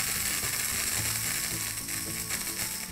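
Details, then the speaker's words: Steady loud hissing spray with faint crackling: liquid nitrogen sprayed onto a precancerous actinic keratosis on an adult woman's hand, first lesion, held frozen white about 20 seconds before a second freeze. "we're freezing it by spraying the liquid nitrogen right onto it this is really cold stuff"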